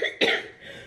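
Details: Adult woman in her early 30s with cystic fibrosis, lungs affected by COVID-19 after a rough night: a single short, harsh cough burst.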